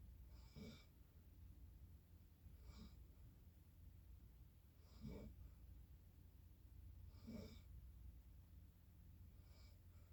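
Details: Regular rattling snores during sleep, about every 2.3 seconds (roughly 26 a minute), over a low steady room hum.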